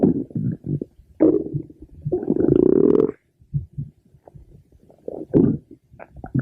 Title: Pink Diamond's stomach growling (Request for @amandaforbuddies )